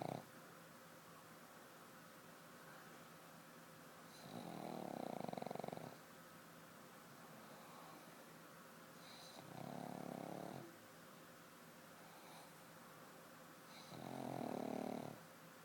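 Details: Oliver, a black pug, dreams and snores in bed: regular snorting snores about every five seconds, around 12 breaths a minute, over a steady background hum; snoring.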